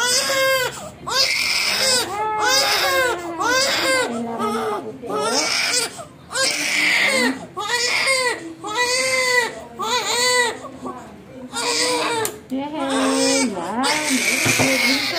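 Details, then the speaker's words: Newborn girl crying loudly in sustained wailing bursts, a pain cry right after ear piercing with a piercing gun by a midwife. "Ayan umiyak ang baby kag hinihika nagugulat lang ang pain niya kasi bigla hindi mararamdaman niya after mainit hintay nga"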